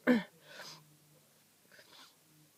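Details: Person still sick: one abrupt, wet-sounding sneeze burst, then softer breathy nasal sounds like sniffing or a nose blow, in a quiet room; sneezing.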